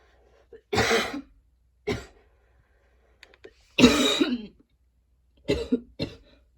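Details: After going to the gym two days in a row, a person has a painful, choking coughing attack: several harsh, forceful coughs with brief quiet gaps.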